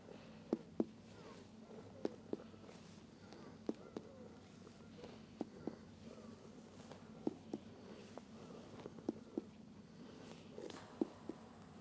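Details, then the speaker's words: Abdominal percussion toward the flank of a patient lying on his back, examined for ascites: quiet paired finger taps giving a slightly impaired note, suggesting fluid in the flank, before checking for shifting dullness. "so a slightly impaired note of percussion can be detected right over here"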